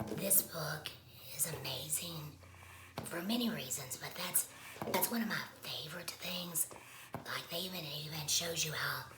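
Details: Woman who has had a laryngectomy, speaking with alaryngeal voice; alaryngeal speech after laryngectomy.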